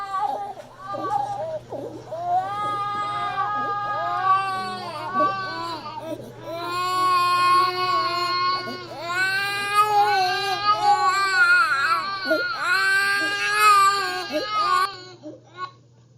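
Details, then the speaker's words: Little boy with croup, crying to enhance stridor: harsh, high-pitched noisy breaths drawn in on inspiration between cries; inspiratory stridor (croup). "So notice in this video that this child has an upper airway sound, so that is occurring on inspiration."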